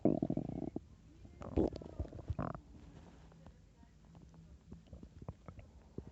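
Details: Stomach growling in an upset, painful stomach the day after heavy drinking and mixed junk food: bubbling, gurgling rumbles in bursts, then quieter scattered pops, active bowel sounds.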